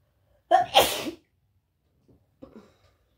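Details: Wet, snotty sneezing in a cat: one loud wet sneeze, faint snuffling, then a smaller second sneeze.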